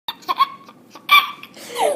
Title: Laugh hiccup laugh hiccup